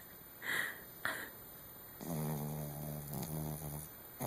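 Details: Male Chihuahua Pom dog sleeping in the dark, described as a hardcore snorer: a couple of soft snorting breaths, then a longer rattling, buzzy breath through nose and throat.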